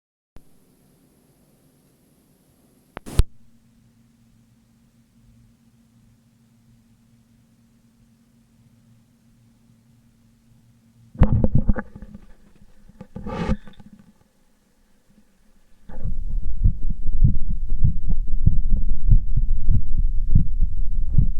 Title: excersise heart sound